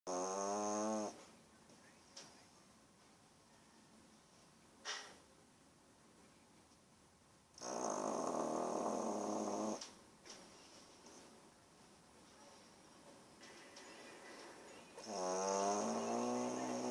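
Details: Snoring recorded in 2014: loud, rattling, throaty snores about every seven seconds alternating with quieter breaths out.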